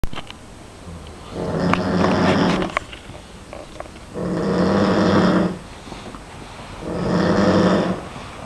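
Loud, rumbling snores on each in-breath, three in about eight seconds, with quiet pauses between.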